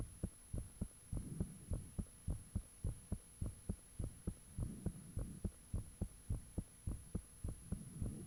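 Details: Self-recorded own heartbeat, fan off, taken shortly after the heart began feeling really thumpy: strong, regular, forceful beats at about 105 per minute over a steady hum; valve sounds and blood-rushing noises said to be audible.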